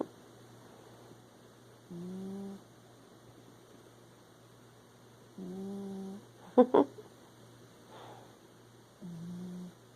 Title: Elijah, my Cat Snoring During His Nap